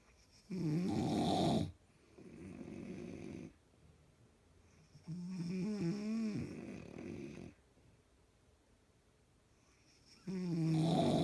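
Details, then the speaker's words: Loud rattling snores on each inhalation, softer on exhalation, about 12–13 breaths a minute with quiet pauses, heard nightly; snoring. "This is what I gotta deal with, y'all, on a daily basis. I tell you, I got snoring in stereo."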